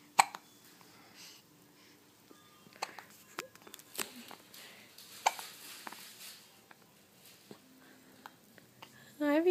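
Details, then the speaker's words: Hiccups in a girl who gets them every day: repeated short, sharp hiccups at irregular intervals amid quiet room noise and soft voices. "do you hear da cups do you have the hiccups do you have the hiccups I"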